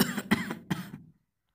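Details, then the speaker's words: Acted cough in a medical students' World TB Day skit; the patient has cough, fever and weakness and later coughs blood, and is advised TB screening: three quick harsh coughs in a short burst. "Can you give me tablets for cough, fever, and weakness? How long have you been coughing?"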